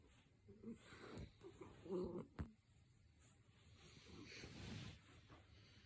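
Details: Miniature dachshund asleep: quiet, rough, low snoring breaths recurring every couple of seconds, with a few sharp clicks.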